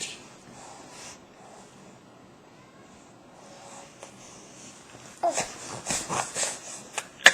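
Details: An infant deliberately practicing newfound coughing: a quick run of small voluntary coughs after several seconds of quiet breathing.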